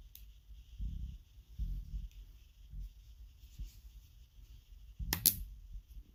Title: A very requested stomach growls video